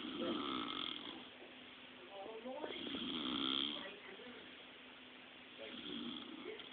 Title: Snoring 101